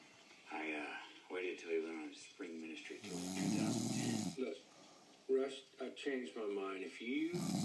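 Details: Husband snoring in bed: rough snoring sounds on breathing, with one long loud vibrating snore, against room noise.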